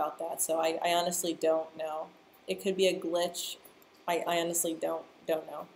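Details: Stuttering in a person who stutters, heard on a live stream.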